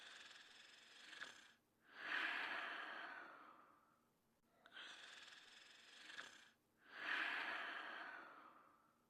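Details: Sleep snoring: two slow, noisy breath cycles with rough, snoring-type airflow on each breath, about 13 breaths a minute.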